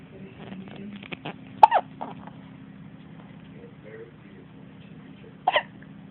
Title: Baby girl hiccups.